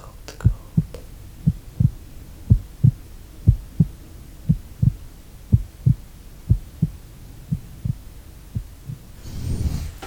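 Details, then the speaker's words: Simulated doctor examination, stethoscope on the chest: steady paired heart thumps at about 60 beats a minute, strong, regular, no arrhythmia, tachycardia or bradycardia, normal heart sounds. "Strong heartbeat. No arrhythmias, no tachycardia, no bradycardia. Just a strong, steady heartbeat."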